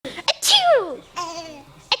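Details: A person sneezing while a baby laughs at the sneezes: a sharp sneeze, the baby's high, gliding laugh, then a second sneeze.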